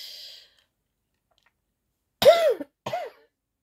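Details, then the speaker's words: Two short, abrupt, voiced coughs with a throat-clearing quality after a soft breath, from an adult woman with a lingering cough and hoarse voice; cough. "Désolée pour ma voix de grand-mère. J'ai toujours la toux qui est partie."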